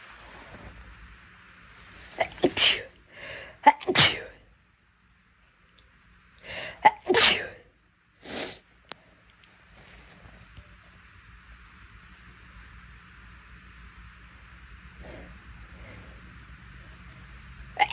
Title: Girl sneezing 10